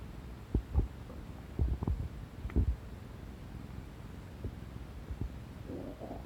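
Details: Ordinary bowel sounds from an adult abdomen, listened to by a sleeping tabby cat: irregular low gurgles and brief rumbles over a soft steady hum.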